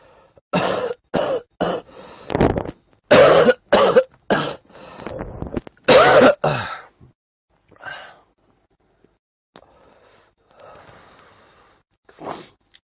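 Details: Adult livestreamer with a cold, low fever of 37.2°C and headache, who smokes; a hospital said pneumonia seems unlikely. A run of about eight harsh, loud coughs, then softer throat-clearing and quiet breathing: a dry coughing fit.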